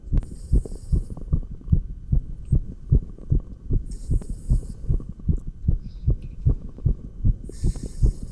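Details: Real heartbeat heard through a stethoscope while exercising with 20 lb dumbbells: fast, regular beat of about 150 a minute with brief rubbing or breath noise; exercise tachycardia.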